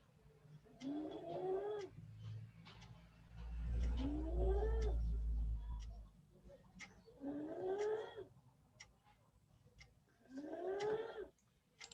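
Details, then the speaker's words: Patient with suspected multiple system atrophy (rather than Parkinson's disease) during sleep: loud, high-pitched, rising crowing noises on each breath in, about 20 a minute, nocturnal laryngeal stridor. "otro síntoma muy frecuente es este estridor laríngeo que sucede principalmente durante la noche"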